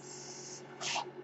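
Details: Mechanical ventilator sounds heard during a podcast recorded by its ventilator-dependent host.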